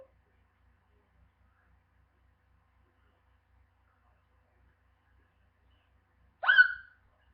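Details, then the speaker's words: Long silence broken by one sharp, voiced hiccup with a short echo in a house, from someone with ongoing hiccups described as painful; a single hiccup. "The worst hiccups ever. And they hurt. They hurt my ears. And it echoes in my house."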